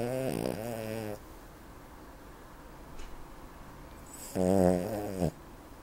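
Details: Loud snoring from a small 7-year-old ruby Cavalier King Charles spaniel weighing 7 kg.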